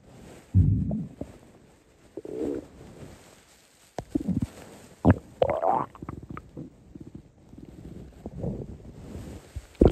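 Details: Hungry stomach growling (borborygmi): irregular low gurgles and rumbling squeaks from the belly; normal bowel sound.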